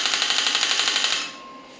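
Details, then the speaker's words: Electromagnetic clinical shockwave therapy device, frequency raised to about 14–16 Hz at reduced energy; rapid sharp clicking bursts, about 13 per second, then stopping; shockwave device firing. "बढ़ाई है, तो आप देख सकते हैं कि ये शॉट्स जो है वो भी इंक्रीज हो गए हैं। पहले एक आ रहे थे, अब 15 या 16 या 14 की फ्रिक्वेंसी मैक्सिमम रखी है।"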